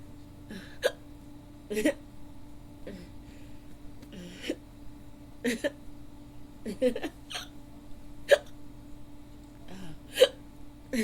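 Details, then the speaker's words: Female roleplay recording: a woman trying to fall asleep has had hiccups on and off for about 15–20 minutes; sharp, brief catching sounds recur irregularly, about 32 a minute, over a steady background hum; repeated hiccups. "oh excuse oh excuse me I'm really trying to fall asleep but I can't can't do to these hiccups hiccups excuse me I've had them for about I've had them off and on for about 15 20. minutes"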